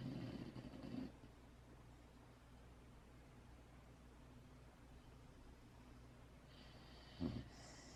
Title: Puppy snores